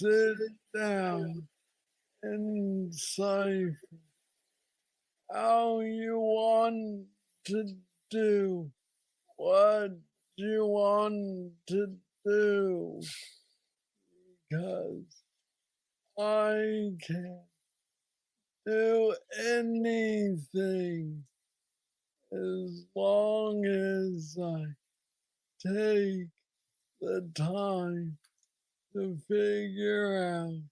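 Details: Adult man with Parkinson's disease diagnosed at age 35, about nine years ago, a form he calls the most aggressive he knows, treated with an implanted brain neurostimulator; hypokinetic dysarthria (Parkinsonian speech).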